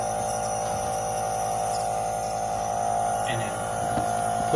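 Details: Kitten receiving sterile saline nebulization in a box with a heating pad for breathing congestion, 10–20 minutes once or twice daily; steady droning hum of the compressor with faint background sounds. Nebulizer running.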